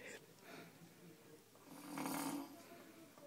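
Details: Person snoring while asleep on a tamale-making day: a single loud, rough snore on the in-breath rising out of quiet breathing, with faint room noise; ordinary snoring.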